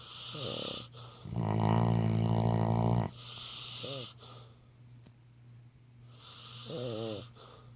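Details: Sleeping Labrador dog snoring: loud, rumbling snore on each in-breath, with softer breathing sounds between.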